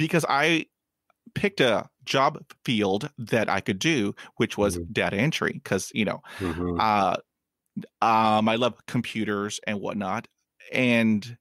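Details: Adult male who has stuttered since childhood and still stutters; stuttering.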